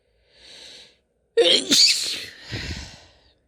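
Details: A woman's sneeze: a soft inhaled lead-in, then one sharp explosive sneeze that tails off into a breathy release.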